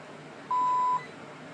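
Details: Sigma Spectrum single-channel IV infusion pump: one steady, clear half-second electronic keypress-confirmation beep during setup, just before confirming drops are flowing in the chamber, with faint room hum behind it.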